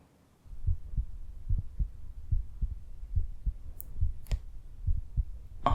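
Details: Real heartbeat through a stethoscope in a simulated ASMR home cardiology exam, patient breathing normally through the mouth, reporting a funny feeling in the chest; steady, regular, about 71 beats a minute, no obvious extra sounds: normal heart sounds.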